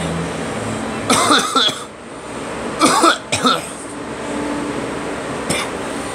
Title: Me coughing